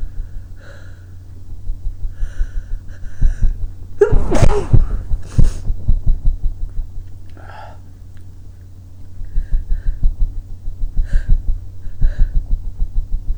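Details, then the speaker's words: Loud burst of sneezing, with sniffing and noisy breathing around it over a low hum; the person reports a running nose and watering eyes. "I'm trying to catch the sneezes in my hanky but"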